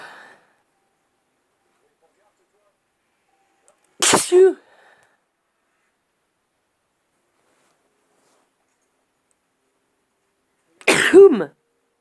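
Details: Two loud, sharp sneezes, each a quick intake and explosive release, about seven seconds apart; sneezing in a series of three.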